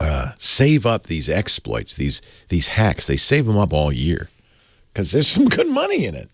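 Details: Adult male speaker; ordinary speech.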